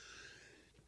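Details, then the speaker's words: A brief, soft, breathy burst of air, muffled and distant, then a faint intake: a quiet, stifled sneeze from an adult man, turned away from the microphone. "that's the first time that's ever happened in 14 years where I'm in the middle of a thought and I sneeze inside"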